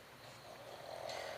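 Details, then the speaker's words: Pug sleeping under a desk: a soft, rattling snore that builds in loudness over one breath against quiet room noise. "I have a little pug, and I have a boxer mix, and they like to sleep directly under my desk, and currently the pug is snoring, so I'm sorry if you can hear that, but it's pretty much my shadow, goes everywhere that I go, so she will stay here with me until we're done."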